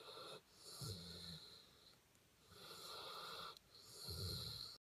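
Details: Ordinary snoring: quiet, rough snoring breaths repeating slowly, about three cycles in five seconds, with a faint whistling edge.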